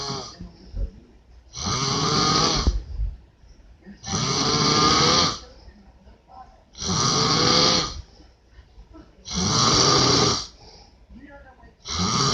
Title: A VIDEO OF MY DAD SNORING LOUD AS CRAP!!!!